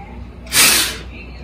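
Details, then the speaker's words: Peak flow meter test: after the deepest possible breath and a tight lip seal, a single short, sharp, forceful blow out as hard and fast as possible, best of three; readings about 530–540. "er biggest thing is you take a breath as deep as you can try to get a good seal with your lips blow as hard as you can as fast as you can most expiratory volume we're gonna take your best of three"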